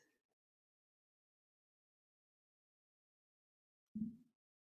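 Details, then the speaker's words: Stomach gurgling picked up by a microphone during a Tai Chi session, which the practitioner attributes to relaxation: one short low gurgle in a quiet room, ordinary bowel sounds. "what you may be able to hear with my microphone is the sound of my stomach gurgling that tells me that i'm now relaxed enough that i'm creating space within all of the organs"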